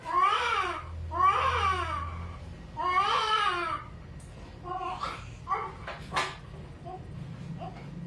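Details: Strong, rhythmic wails from a newborn baby boy just after normal vaginal delivery at a clinic, with shorter fussing cries after; a normal vigorous birth cry.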